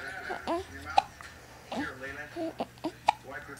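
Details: Smiling person with hiccups: several short, sharp hiccup sounds spaced irregularly over a few seconds, with faint voice and room noise between them.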